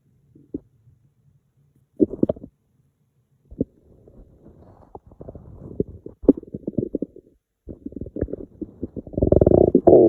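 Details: Gurgling, creaking stomach rumbles building to a long low growl; hungry stomach noises, borborygmi.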